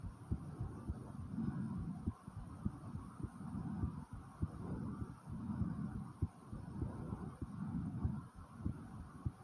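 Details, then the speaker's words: Own heartbeat with breathing recorded after 10 jumping jacks: quick, regular thumping heartbeat with loud, fast breathing in and out; normal fast heartbeat after exercise. "Was my heartbeat. I did some jumping jacks and I even breathed in and breathed out."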